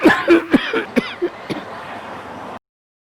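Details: Acted cough in an ayurvedic cough syrup advertisement: a quick run of about six short, harsh cough bursts with some throat clearing, fading out; cough.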